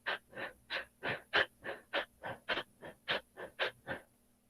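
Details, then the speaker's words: Instructor imitating, in a clinical lecture on shock (cardiogenic, neurogenic, septic), the rapid shallow breathing of a patient in shock with reduced circulation. Fast, short, superficial breaths at about 100 a minute. Imitated tachypnea. "respiração rápida e superficial então a pessoa vai respirar assim"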